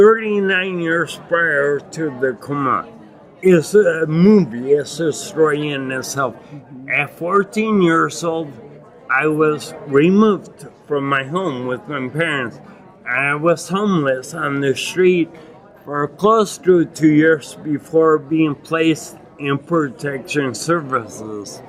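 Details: Adult man with acquired ataxia and myoclonus (Lance-Adams syndrome) after brain damage from Legionnaires' pneumonia and a 12-day induced coma; reports difficulty speaking and articulating; ataxic dysarthria.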